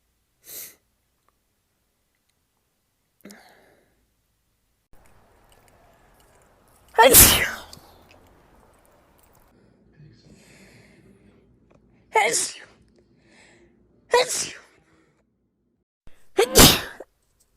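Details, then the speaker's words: Four loud, explosive sneezes, some with a brief in-breath before, separated by quiet pauses in a small room. "uh moving things around makes me sneeze all the dust that's up in this laundry room is making"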